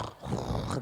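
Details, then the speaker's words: Kannada storyteller imitating loud snoring ("dara bara") during a comic story about sleepers snoring: imitated snoring, not real. "ಜೋರು ಗೊರಕೆ ಹೊಡೆಯಾಕತ್ತು ಡರ ಬರ ಅಂತ ಹೇಳಿ ಯಾವಾಗ ಗೊರಕೆ ಹೊಡೆಯಾಕತ್ತು ಅವಾಗ ಸನ್ಯಾಸಿಗೆ ಎಚ್ಚರತು"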